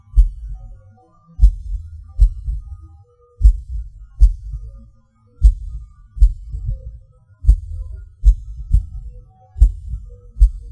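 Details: Person's own self-recorded heartbeat; pauses and hard beats felt as a sudden rush or falling. Low thumps about 65 a minute, uneven spacing with early extra beats and longer pauses: irregular heartbeat with premature beats (PVCs/PACs), skipping and stopping.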